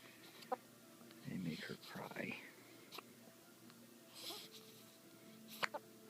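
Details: Soft, sharp hiccups about every two to three seconds, partly masked by quiet whispered talk nearby; hiccups.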